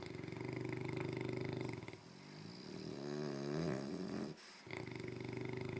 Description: English Mastiff and French Bulldog have a back and forth snoring contest